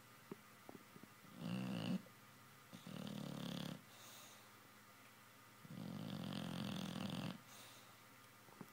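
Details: Sleeping dog snoring, possibly dreaming, in a quiet room: rough rattling breaths on both intake and release, a few seconds apart; ordinary snoring.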